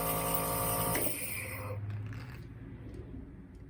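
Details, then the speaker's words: Steady hum and buzz of a small home nebulizer compressor running, with a higher hiss of aerosol flow through a face mask over nose and mouth during a hydrogen peroxide inhalation treatment. "you should get a seal on it so if the mask is too loose get it so there's a seal around here and you turn on the on switch there's only one switch on this it's real simple"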